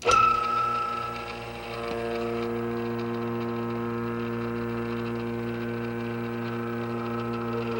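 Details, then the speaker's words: Vacuum spatulator mixing dental casting investment for 20 seconds under vacuum: brief start-up, then steady motor hum and whine. "attach the vacuum to it and take to the machine to the second portion of it and put it in here like this and let it spatulate for 20 seconds under the vacuum"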